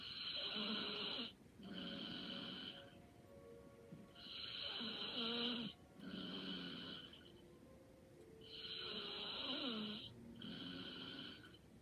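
Regular light snoring at about 14 breaths a minute, a rasping snore on inhaling and a softer whistling breath out.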